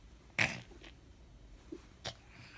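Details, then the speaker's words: Sneeze from a young girl while telling a story: one small, sharp sneeze burst, then quiet room sound with a faint second puff. "So, wait, I'm gonna sneeze."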